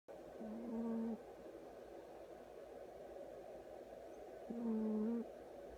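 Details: Snoring from a sleeping cat: two short, tonal humming snores about four seconds apart over steady room hiss.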